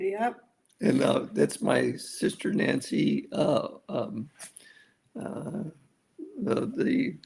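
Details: Male stroke survivor with aphasia after a severe stroke, over a decade of rehabilitation; aphasia.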